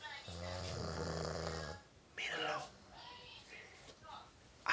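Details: A male sleeper snoring in a humorous mock documentary: a loud, buzzing nasal snore followed by softer snorting breaths during sleep.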